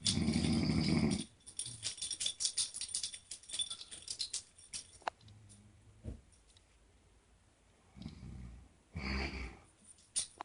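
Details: A mother snoring loudly: rough, low, rumbling snores in separate bursts, with quiet clicking and rustling between them.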